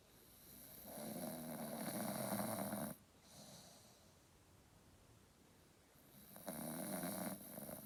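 Two slow, rattling, snorting breath sounds several seconds apart, with a quiet pause between them: snoring in a sleeping dog.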